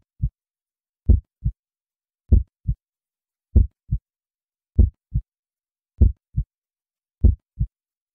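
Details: Human heartbeat in a relaxation recording: slow, steady lub-dub, about 50 beats a minute, with clear paired sounds and quiet gaps between.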